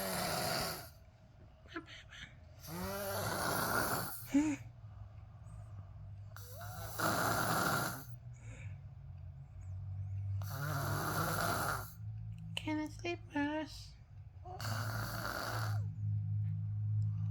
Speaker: Sleeping, my boss. My boss snoring. I can't sleep. What can I do now? It's too loud.